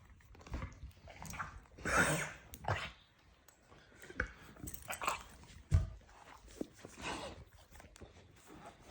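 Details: Dog with a series of short, harsh, irregular hacking bursts like a coughing fit in a small room; owners worried it was kennel cough, but it passed and he stopped coughing.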